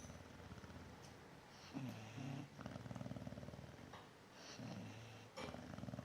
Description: Chow Chow and Newfoundland snoring/sleeping